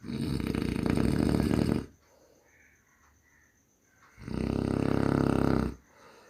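Loud, rattling snores on two breaths in, separated by a quiet pause while breathing out.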